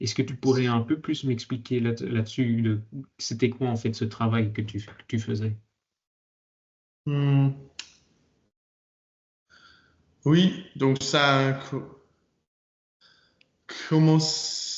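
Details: Stuttering in a 22-year-old man speaking French; he began actively working on his stutter in his final year of high school, which he says changed it a lot.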